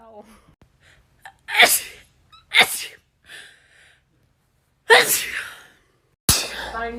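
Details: Compilation of rapid sneezes: four sharp sneezes, some with a gasping intake, separated by brief pauses and a few short voiced sounds; repeated sneezing.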